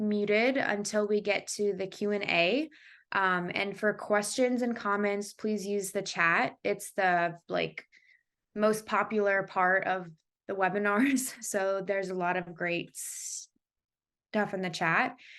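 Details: Adult woman who has stuttered since she began talking (developmental stuttering), speaking with stuttering.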